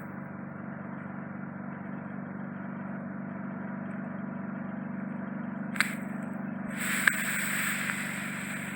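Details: Steady low suction hum, a brief sharp click, then a louder, higher hiss as wax is drawn into the suction tip during endoscopic ear wax microsuction of bilateral deep occluding wax.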